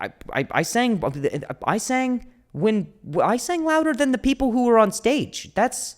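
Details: Stuttering in an adult male comedian, with audible word repetitions.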